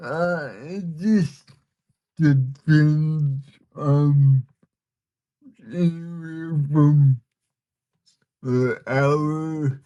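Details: Man with cerebral palsy, communication hard at times and initially hard for listeners to understand; dysarthria (cerebral palsy).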